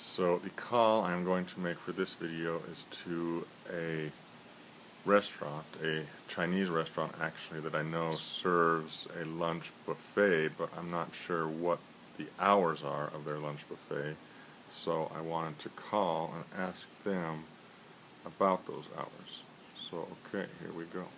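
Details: Adult man, self-described person who stutters, reporting frequent trouble on S and F sounds and using stretching techniques; stuttering.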